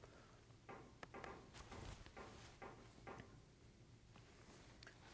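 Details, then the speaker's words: Click-evoked otoacoustic emission recorded in a human ear canal, five presentations: brief sharp clicks over faint steady hiss with almost no echo-like tonal response after each, mostly just the click. "hear much of a response. That was just mostly the click."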